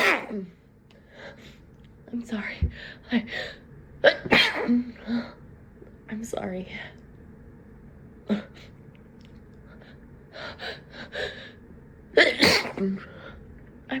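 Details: Adult sneezing repeatedly, some sneezes stifled or held back, with quiet whispered apologies between them; says they cannot stop sneezing.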